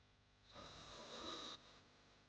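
One drawn-out, rough, hissing breath lasting about a second, from a sound-effect recording; a single snore.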